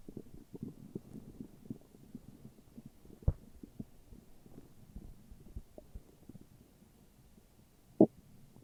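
Quiet, low bubbling and gurgling with a few sharper pops, ordinary stomach growling from gas and fluid moving through the gut.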